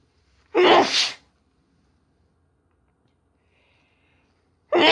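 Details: Woman with a common cold: a single forceful sneeze with a sharp explosive burst, then silence, another beginning.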